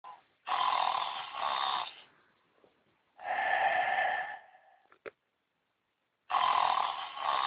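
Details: Rory the tiger asleep after a night on stage: loud, rough, rumbling snores in long bursts with quiet pauses between them; snoring.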